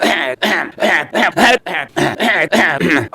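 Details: Cough: Zhirinovsky gives a rapid run of about nine loud, harsh voiced coughs in quick succession.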